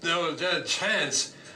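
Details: Male patient with a left frontal infarct and very pronounced Broca's aphasia, who can sing but has great trouble producing speech: Broca's aphasia (non-fluent speech).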